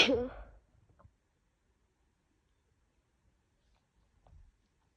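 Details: Woman coming down with a bad cold, very sneezy with a worsening cough: one sharp, wet sneeze, then near silence with a faint breath.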